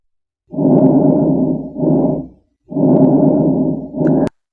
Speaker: يلا البس معايا السماعه وعلي الصوت عشان تعرف تسمع الاصوات فلو انا شخص طبيعي فهو ده الصوت اللي هتسمعه